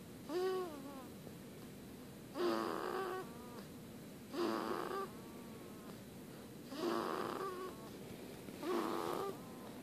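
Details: Tiny snorer: five rhythmic whistling, high-pitched snoring breaths, about 30 a minute, over steady room noise; snoring.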